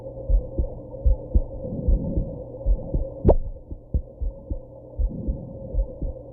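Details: Heartbeat after drinking alcohol and smoking: about 75 beats a minute with a single sharper jolt midway, consistent with a hiccup.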